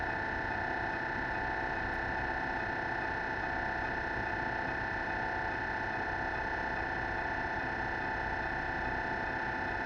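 Loud, continuous droning hum with rapid rhythmic buzzing throughout; normal MRI scanner noise during a scan.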